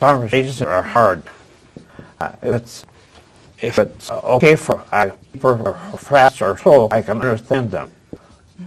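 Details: Adult with aphasia after a stroke at age 76, previously in a professional career, attending an aphasia conversation group with a speech-language pathologist; real patient speech showing aphasia.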